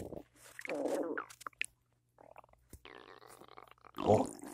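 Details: Loud morning stomach growling after cereal with peanut butter and a cup of coffee; several short gurgles and squeaky rumbles in a quiet room, one louder at the end, normal borborygmi.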